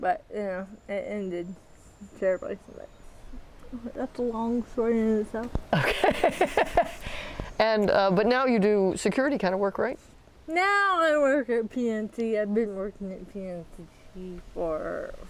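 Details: Dysarthria in a 40-year-old woman with athetoid cerebral palsy, full-body involvement with quadriplegia, moderate-to-severe physical involvement, GMFCS level 3/4, who uses a power wheelchair and a walker.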